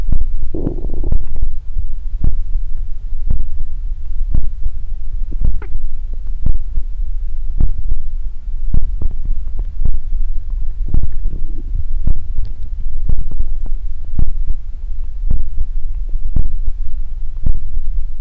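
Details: Body ASMR close-up recording of the belly: steady muffled low knocks with occasional soft gurgling rumbles; normal stomach growling (borborygmi).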